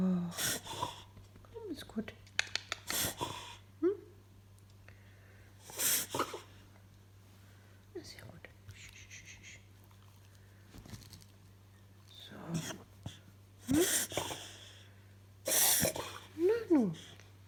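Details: A Beagle dog has a reverse sneezing episode with repeated harsh snorting bursts.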